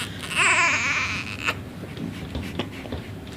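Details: A baby boy, one of two (one had hiccups, the other gas): a brief high-pitched infant cry settling into quiet fussing with room noise; ordinary infant crying.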